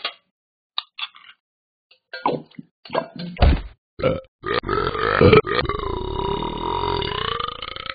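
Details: Person eating and burping: several short, low gulping and burping sounds ending in a long, drawn-out voiced belch.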